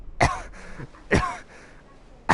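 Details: Two sharp, harsh coughs about a second apart from an adult male live-streamer, a third starting at the end, as he gags and says he can't breathe.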